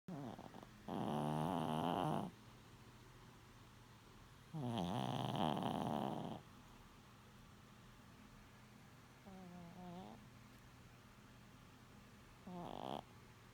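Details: Chihuahua snoring in four rattling bursts, some louder and longer than others, over a steady room hum.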